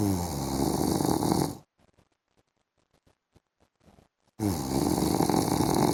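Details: A husband snoring while asleep in the afternoon: a loud rattling snore on breathing in, a quiet pause with faint clicks, then another loud snore.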